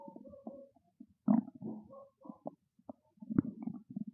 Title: Hungry Stomach Growling Loud FULL VIDEO FOR CHANNEL MEMBER #stomachnoises #stomachgrowl #stomachasmr